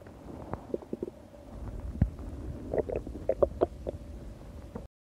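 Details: Low gurgling rumbles and short bubbling bursts of stomach growling (borborygmi) over a faint steady background hum; attributed to Hatsune Miku.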